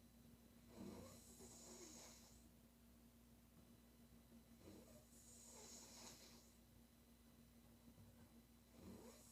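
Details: Female loud rough, rattling snores about every four seconds, breathy hiss between, over steady room hum.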